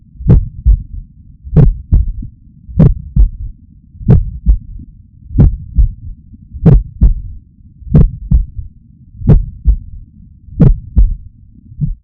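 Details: Third heart sound (S3 gallop) from the person's own heart, who hopes it reflects athletic training rather than heart failure: slow, steady heartbeat near 46/min with a soft, low extra thump just after S2.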